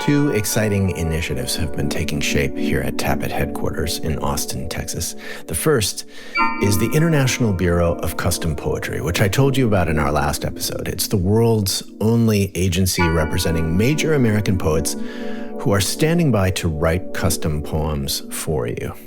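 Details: Adult male speaker; normal speech.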